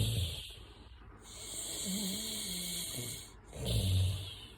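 Low rumbling snores on breathing in, with a steady high hiss in the background; snoring.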